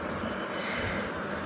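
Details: Child, a daughter, congested and coughing at the same time: loud, rough, continuous snorting breath through a blocked nose, a nasal congestion snort.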